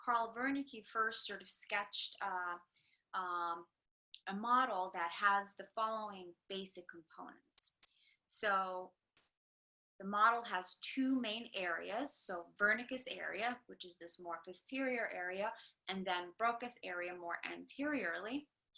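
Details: Adult woman lecturing; normal speech.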